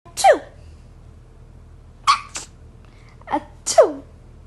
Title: Sun Conure Sneezing (Estornudando)